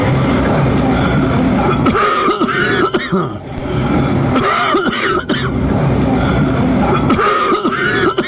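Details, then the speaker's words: Teaching example of a bitonal cough, linked to vocal cord paralysis or a mediastinal tumour affecting the recurrent nerve: three cough bursts over steady noise, the first differing in pitch from the next two. "Entonces cómo vamos Cómo podemos Escuchar hay un cambio de tono entonces la primera tos a las otras dos a las siguientes no son iguales en tonalidades Y eso es lo que caracteriza una tos bitonal"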